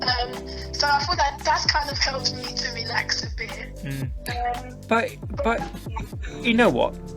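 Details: Stuttering (stammer) in a woman who says she stammers more the more she dislikes her stammer; she also reports vocal cord issues.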